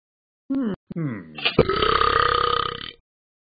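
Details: Simulated burping from the cartoon dog in the Talking Ben app, a game sound effect rather than a real animal: short vocal sounds, then a long rumbling burp of about 1.5 seconds.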